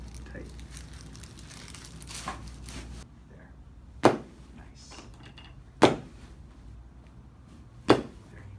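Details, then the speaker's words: Three sharp cracking pops a couple of seconds apart in a quiet room, joint crepitus in the left ankle as old scar tissue breaks up during passive range-of-motion mobilisation at a chiropractic visit. "you may get some crackling sounds in your left ankle as we're I'm breaking up that old scar tissue but we're also putting it in the right place when it heals properly"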